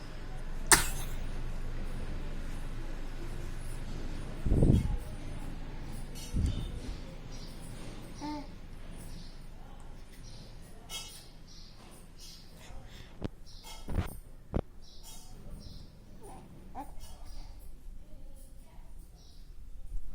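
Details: A young child gives a few short, sharp sneezes amid quiet room noise and soft babbling.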